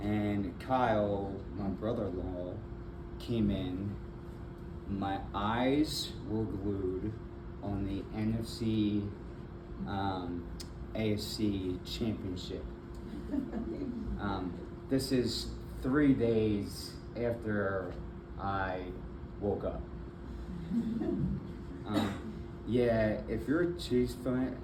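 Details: Aphasia with apraxia of speech in an adult man after a stroke in February 2024, followed by several further strokes; the stroke left him nonverbal at first with right arm and leg impairment, and he is still in speech therapy.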